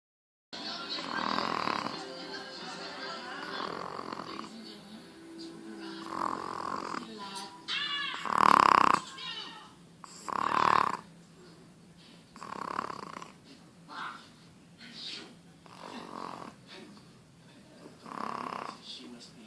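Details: Chihuahua, a friend's dog, snoring and grunting even when awake: repeated nasal, rattling snores, uneven in loudness and timing, with faint background music.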